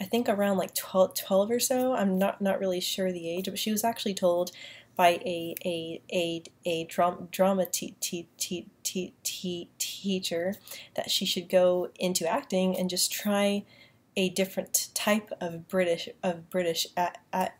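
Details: Woman with a self-described stutter that she says lessens when she uses a British accent, speaking in her normal accent; word and part-word repetitions, stuttering.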